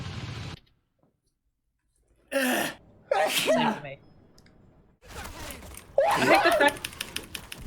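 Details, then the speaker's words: Several short, sharp, voiced sneeze bursts from a sneeze compilation; they sound staged, with faint background noise; sneezing. "wow now that was a sneeze that happened and then i'm going to sneeze"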